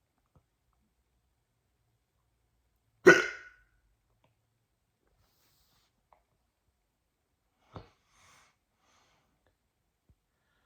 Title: Woke up with hiccups